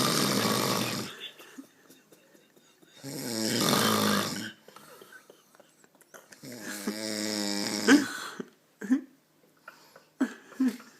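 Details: A man who denies that he snores gives three loud, harsh, vibrating snores on breathing in, with a few soft snorts between them.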